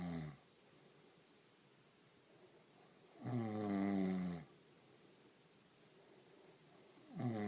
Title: Woman Snoring